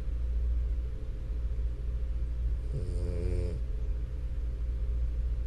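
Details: One short buzzing snore from a sleeping French Bulldog over a steady low background rumble.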